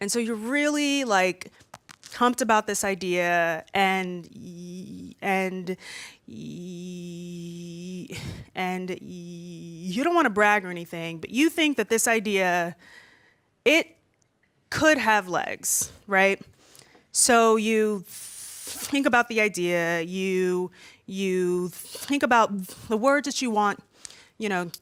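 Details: Stuttering with repetitions, in an adult woman aged 32 who has stuttered since about age three and says she stutters more when nervous speaking in front of a room.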